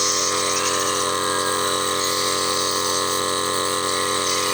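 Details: Steady loud mechanical hum with hiss of a steam inhaler running continuously, used for a baby with cough and cold during baby-spa physiotherapy relaxation.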